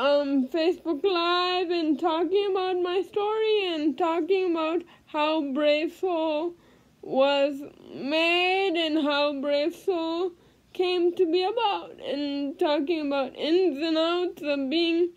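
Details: Female with cerebral palsy speaking; no specific speech disorder named.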